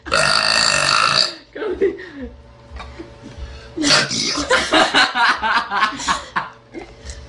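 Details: Small girl burping: a long, loud, deep-voiced belch, then quieter gurgling and vocal sounds; a forceful burp.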